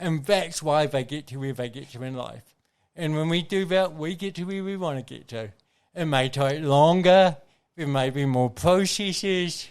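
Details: Adult man with congenital cerebral palsy, a brain injury from oxygen loss at birth, thinking unaffected: dysarthria with tremulous voice (cerebral palsy).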